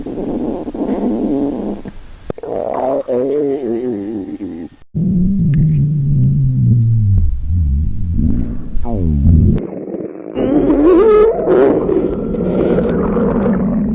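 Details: Girls' stomach growling from hunger while reading in a library on an empty stomach, microphone placed near the stomach: long, low gurgling and rumbling with wavering groaning tones; normal borborygmi.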